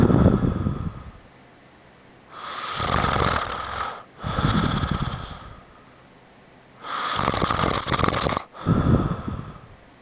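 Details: Father asleep, snoring loudly and roughly with long breaths in and out, about 14 breaths a minute, with quiet pauses between them.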